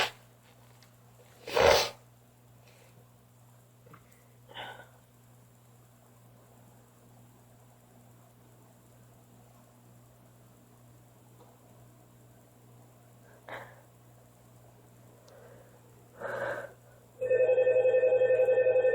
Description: I can't stop sneezing. I don't know what it is :/